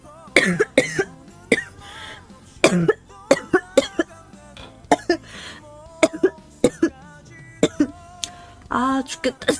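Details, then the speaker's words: Girl with persistent coughing who wonders whether she has vocal cord nodules and says coughing makes her body hot: about a dozen repeated short dry coughs with brief voiced sounds between, music faintly in the background. "그냥 기침이 계속 나와요. 약간 살려달라는 목의 비명인가? 아 죽겠다."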